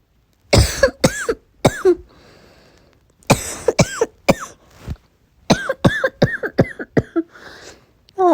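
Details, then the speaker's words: Simulated roleplay of a sick person with sore throat, blocked nose, headache and sneezing: three runs of forceful acted coughs, about fifteen in all, with short pauses between bouts. "i wonder if there's something in there that won't make me stop having this bad cough of mine ugh it's getting super annoying and it really hurts"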